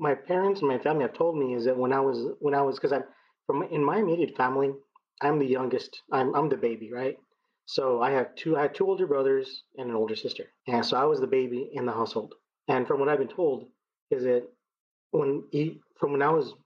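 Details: 39-year-old man who has stuttered as long as he remembers; it began in childhood with vocal blocks in the throat and now shows mainly as repetitions used to get past blocks; speech therapy through elementary school until 7th grade; stuttering.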